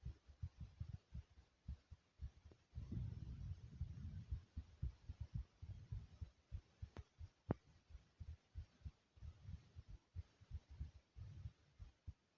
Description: In this video my heartbeat is smooth and soothing.